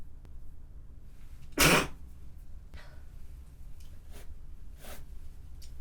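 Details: A single loud, forceful, wet-sounding sneeze from a woman, followed by quiet breathing and small sniffs against low room noise.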